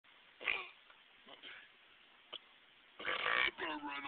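Two loud, drawn-out voiced belches separated by quieter gulping sounds; ordinary burping.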